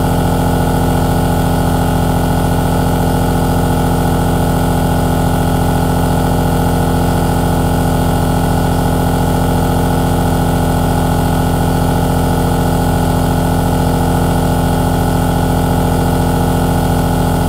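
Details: Steady mechanical hum with a fast, even pulsing buzz throughout from a 3H compressor aerosol nebulizer running continuously, recorded in high quality; aerosol nebulizer running.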